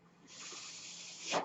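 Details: Speaker's own mechanical ventilator, heard during his podcast talk: a steady airy hiss builds and peaks, then cuts off sharply as the ventilator delivers a breath.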